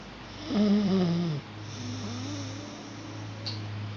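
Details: Child almost 5 years old with laryngomalacia: loud, high-pitched, crowing noisy breath followed by a softer pitched breath, stridor.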